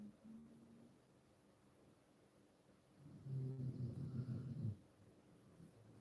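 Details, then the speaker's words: Elderly woman asleep with her teeth out: a single low, fluttering snore on one breath after a quiet stretch, made by her lips flapping as she breathes. "Have I met a granny you can hear her snoring? Yeah, she's taking her teeth out and it's her lips flapping as she breathes."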